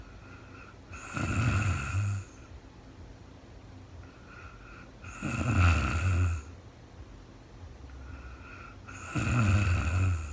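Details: Adult woman recorded in real time during overnight sleep after being very tired: loud, low rattling snores on each breath in, about 15 a minute, with quiet pauses between; snoring.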